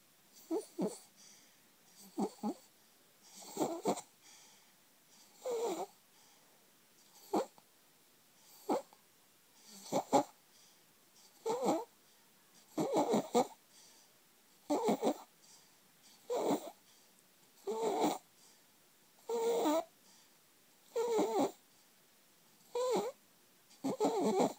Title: (Stridor) 4 month old with laryngomalacia